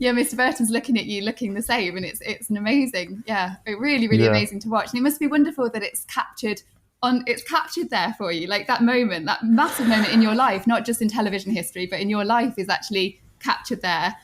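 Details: Adult woman speaking; fluent speech.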